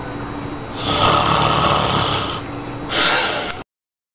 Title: Baby-Scared-By-Snoring